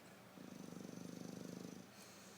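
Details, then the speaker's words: Pet snoring while awake, exhausted after three days of playing with children; owner says he is fat: steady, rapid rattling purr-like breathing noise about 1.5 seconds long. "i never heard him snore while being awake before so tired"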